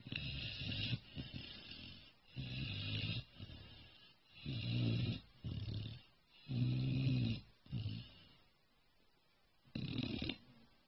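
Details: Snoring during sleep: deep, rumbling snores repeating about 28 times a minute, with breathing sounds in between.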